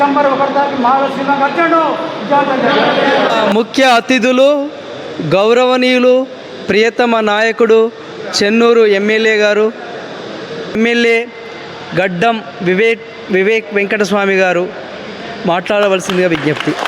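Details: Adult announcer; normal voice.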